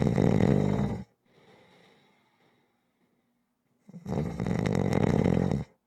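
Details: Loud, rough, low-pitched snores with a quiet pause between them; rhythmic snoring during sleep.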